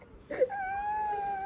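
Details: Young boy with fever crying: a brief catch of breath, then a thin, sustained whimpering cry in a quiet room.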